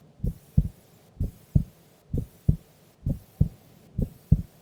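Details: Clear paired lub-dub heart sounds at about 65 beats a minute, steady and quiet; a normal resting heartbeat of a sleeping female during an afternoon nap.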